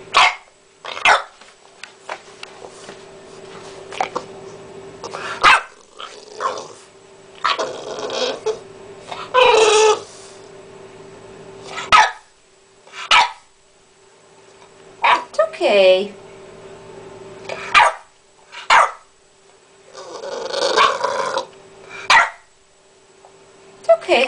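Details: Dog coughing repeatedly with sharp, harsh cough-like bursts and snorty, congested breathing between; vet says he is fine but owner questions why he is so congested; cough with nasal congestion.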